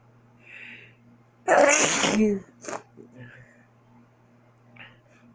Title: I'm back on Halloween with a sneezing fit